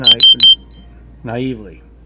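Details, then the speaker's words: Three short high electronic beeps, then a brief voice sound: alarm from the speaker's own diabetes glucose sensor going off mid-conversation, which he then struggles to turn off. "Sorry about that alarm. Damn. My sensor is going off."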